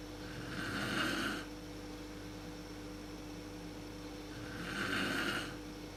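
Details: Mother snoring in the dark, worst at sleep onset, recorded with a PowerShot SX130 IS camera: two rough, rattling inspiratory snores about four seconds apart over background hum.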